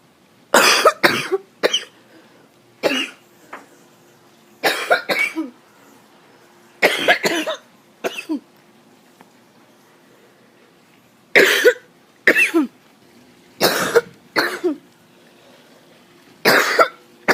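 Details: Adult coughing fit attributed to allergies: about twenty harsh coughs in repeated short bouts in under twenty seconds.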